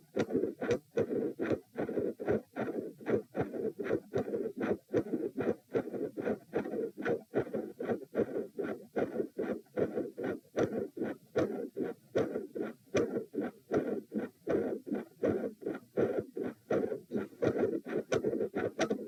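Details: Midsystolic heart murmur recorded lying down at position p during Valsalva attempts: regular heartbeat about 76 a minute, with a loud, bouncy midsystolic murmur between the heart sounds and patterns of three and four sounds.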